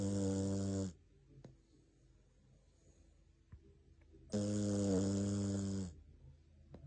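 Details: Jack Russell Terrier asleep after falling asleep while the TV was on: two loud, buzzy, rattling breaths about three seconds apart, with quiet between them; heavy snoring.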